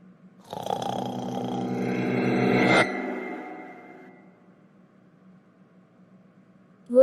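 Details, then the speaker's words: Simulated cartoon snoring: one long, rattling snore on the in-breath, then a fading out-breath. "Iris, stop snoring. Sorry. Good night."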